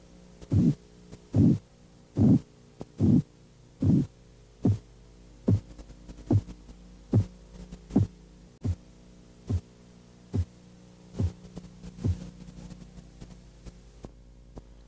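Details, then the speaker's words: Blood pressure reading with Korotkoff sounds: regular tapping at about 72/min, loud at first, then softening and fading. Phase 1 at 110 mmHg, phase 4 at 80 mmHg, phase 5 at 70 mmHg (110/80/70). "ahora escuche los sonidos una vez más e identifique las cinco fases fases de korotkov no siempre fácil distinguirlas al tomar una lectura real de presión arterial"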